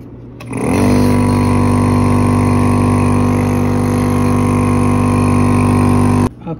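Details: Portable desktop compressor jet nebulizer for adults and kids, test-run with saline; steady loud motor hum with constant low buzz starting and stopping cleanly, compressor nebulizer running normally.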